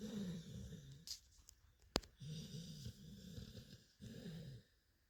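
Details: Sleeping dog lying on a pillow, snoring with low, buzzing snores over repeated breaths and a brief sharp noise between them; ordinary dog snoring.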